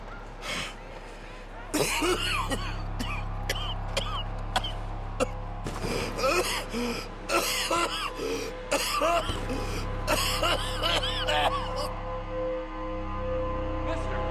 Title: has his first coughing fit.